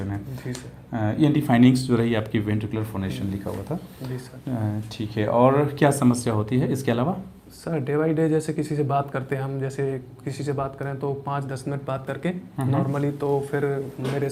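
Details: Before-treatment sample of a patient with ventricular dysphonia (false vocal fold phonation), recorded before voice therapy.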